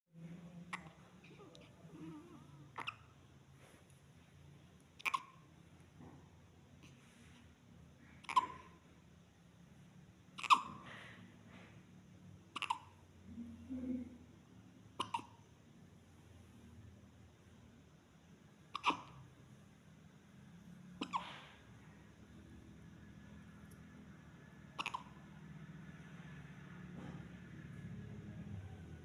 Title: My 1.7kg Preemie Girl's First Hiccups at 15 Days Old #cutebaby #babygirl